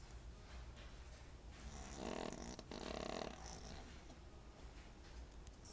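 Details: Two soft, rattling snores over steady room noise from a small sleeper described as loud, snoring during sleep; snoring.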